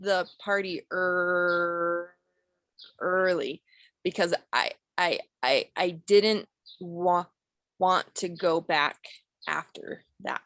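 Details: Acted stuttering by a female client in a clinical skills therapy role play, with repetitions such as "i i i" and "wan want".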